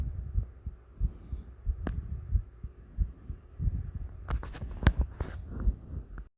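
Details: Requested heavy breathing with a heartbeat: low, steady thumping heartbeat at about 90 beats a minute, with breathing and rustling layered over it.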